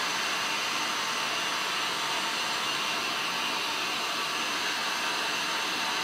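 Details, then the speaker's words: Steady loud hiss of continuous airflow from a CPAP mask just applied to a simulated breathless patient in an EMS airway skills exam demonstration. "how's that feeling so far you may feel a little airborne around your eyes we'll take care of that"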